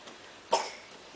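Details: Single short, sharp cough in a quiet outdoor setting, which came on while running in the patio of the grandparents' house; cough.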